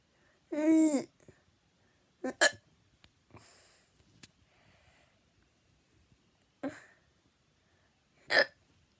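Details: Hiccups: a short voiced cry, then several abrupt, sharp hiccups a few seconds apart.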